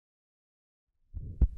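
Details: Atrial septal defect at the pulmonary area/left sternal edge: low heart sounds with a soft rumbling fill, a widely split second heart sound and short systolic murmur.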